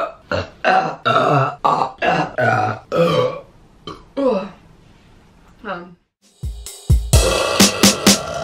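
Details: Burping compilation clip: a run of loud, rough, voiced belches in quick succession, then brief music.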